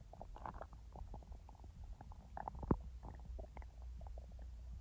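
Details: Real stomach rumbling from normal digestion, recorded over the belly, not in real time: soft, irregular gurgles and low rumbles, ordinary bowel sounds (borborygmi).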